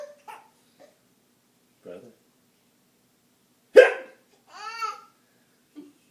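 One sharp, sudden voiced hiccup, then a short laugh, in a quiet room; a single hiccup.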